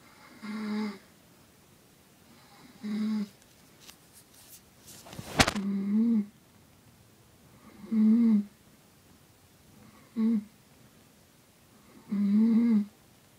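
Repeated short voiced snoring sounds about every two seconds, with a brief rustle partway; quiet room.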